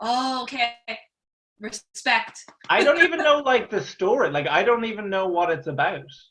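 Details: Real stammer in an adult Irish male stand-up comedian who has stammered through his comedy career since 2010, speaking conversationally; stuttering (stammering).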